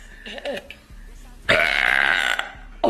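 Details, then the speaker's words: Female belching, gassy all day and unable to stop once started: a loud, drawn-out belch of about a second, with quieter sounds before it and another starting at the end. "I've been so gassy all day today once I start I can't stop"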